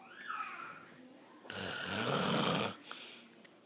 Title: Snoring daddy